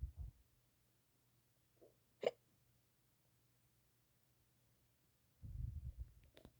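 A single sharp, abrupt hiccup sound in a quiet room with faint low rustling; a hiccup.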